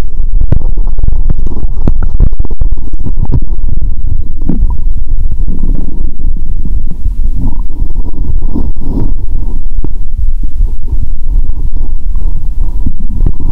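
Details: Stethoscope on own abdomen after drinking cola with Mentos; watery sounds heard even near the heart; continuous loud gurgling and rumbling: ordinary bowel sounds (borborygmi).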